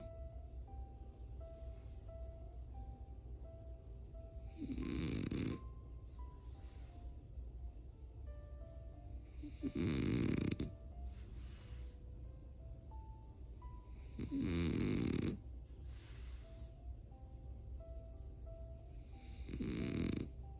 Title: My snoring Frenchie boy #frenchbulldog #dog #frenchie #snoring